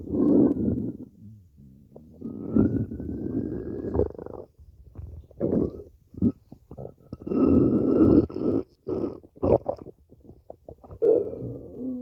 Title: stomach growling 5 (over five minutes of stomach growling)